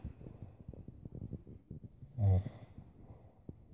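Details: Man snoring away in sleep: quiet rattling breathing with one loud, low, vibrating snore on an inward breath; snoring.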